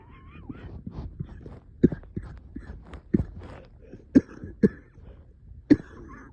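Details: 3am coughing fit in an adult reporting being very short of breath: about five sharp, forceful coughs spaced irregularly over six seconds, with quieter breathy sounds between them.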